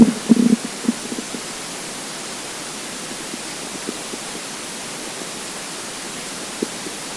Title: Hungry Empty Stomach Rumbling Part 7 (22/10/2015)